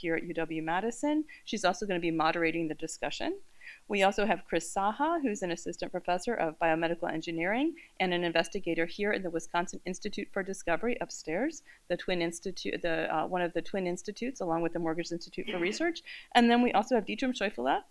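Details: Adult woman speaking; normal voice.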